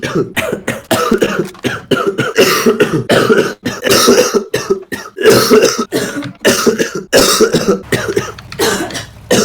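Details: Real persistent coughing fit in a man who coughed all evening and says coughing feels so bad his eyes are popping out: continuous loud, harsh, repeated coughing with barely a pause.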